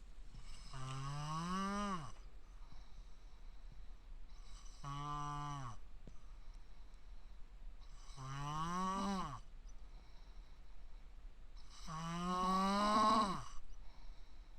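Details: Man nicknamed a raccoon-dog dad, giant snoring, does not wake even when hit or his eyes are forced open; four loud, groaning, high-pitched snores with pauses between, about 15 a minute; heavy snoring.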